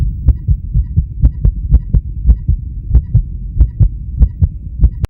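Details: Male heartbeat recorded with blood pressure: regular paired lub-dub heart sounds at roughly 95–100 beats a minute, with a low steady hum underneath.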